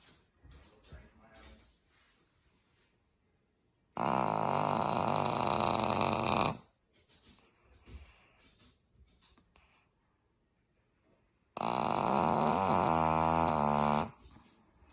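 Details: Female Cavalier King Charles Spaniel with cleft palate, asleep with eyes open: two long, loud, rattling snores about eight seconds apart, with quiet breathing between; snoring.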